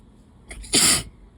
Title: Wet, desperate allergy sneezes